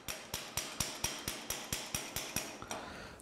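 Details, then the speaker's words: Total knee replacement demonstration on a practice bone model: rapid, even metallic taps, about a dozen in three seconds, as a mallet drives the intramedullary rod into the femur; mallet tapping intramedullary rod. "وبعدين هنعمل هنجيب مالت ونتاب بيه ندق بيها. هنفترض ان هو ده المالت بتاعنا وهندق"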